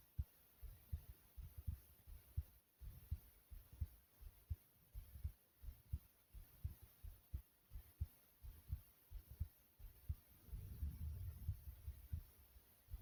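Soft, steady low heartbeats at about 85 a minute, a normal resting rhythm.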